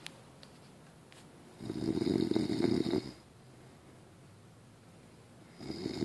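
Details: Man snoring while asleep: a rough, rattling snore lasting about a second and a half, a quiet pause, then the next snore beginning; ordinary snoring.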